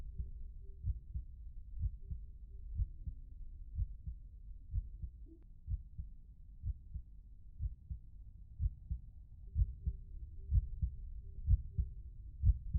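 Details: Regular, low thumping heartbeat at about 62 beats a minute with a faint background tone.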